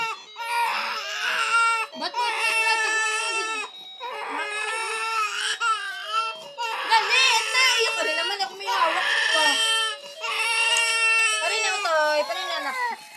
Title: baby crying